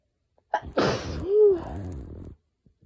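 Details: Sneezing in a person with pollen allergy, nose very sensitive and itchy; sneeze induced: a sharp breath in, then one forceful voiced sneeze and a fading exhale.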